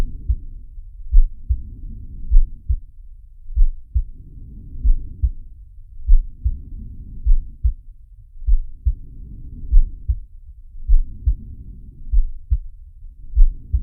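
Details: Sharky's heartbeat and breathing sound, from the Zig and Sharko cartoon: regular low thumping heartbeats with slow rhythmic breaths about every 2.5 seconds, roughly 24 breaths a minute.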